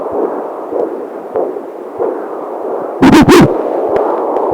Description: The beautiful beating of fetal heart. The amazing sounds of mother and child played along a soothing dark display.